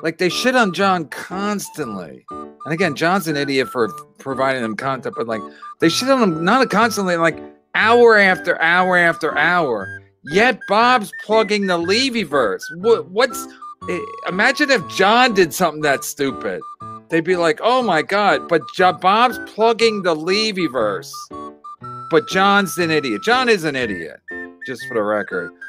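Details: Adult male speaker; normal speech.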